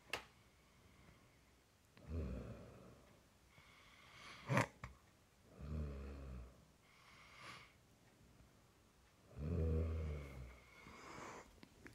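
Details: Loud, irregular low snores with snorting breaths and a brief click, spaced a few seconds apart in a quiet room; snoring.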